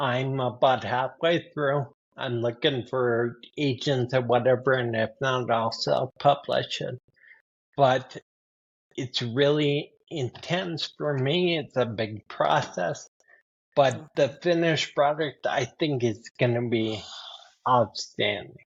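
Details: 52-year-old man with spinocerebellar ataxia type 15 (SCA15), a rare progressive neurodegenerative disorder; speech worsening since his early 40s, along with handwriting; ataxic dysarthria.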